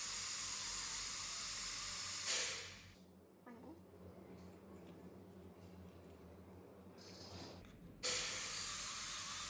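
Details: Dental scaler with water spray in use during professional teeth cleaning after braces removal to clear remaining bracket glue; loud steady hissing spray in bursts with quieter pauses between.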